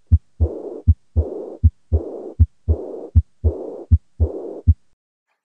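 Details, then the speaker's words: Aortic regurgitation, in the context of chronic severe disease: regular heart sounds about 79 per minute, each followed by a long, blowing early diastolic murmur heard at the upper left sternal edge. "on occupation you're going to hear a big Shanley diastolic murmur which is heard back at the upper left sternal edge in the tricuspid occupation area and this is what it sounds like"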